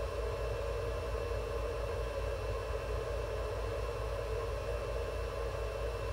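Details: Steady low hum, constant hiss and faint high tone of a veterinary incubator providing warming, humidification and oxygen therapy for a pet Java sparrow under treatment; incubator running.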